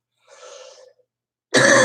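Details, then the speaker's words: Adult smoker with clogged sinuses and hoarseness; cough attributed to postnasal drip, aggravated by smoking: one soft, rough cough followed by a sudden loud noise. "No, it's actually it's not the smoking. It's postnasal drip. Smoking aggravates it, but the cause of the cough starts up here."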